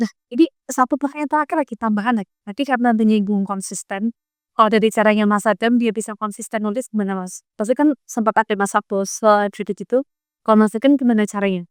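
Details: Adult speaker; normal speech.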